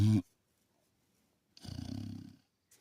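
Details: A short fluttering, rattling breath sound after a brief pause: soft snoring in sleep.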